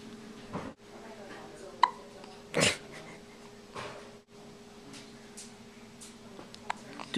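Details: Girl who can't stop hiccupping: a few short, abrupt gulping catches about a second apart in a quiet room; hiccups.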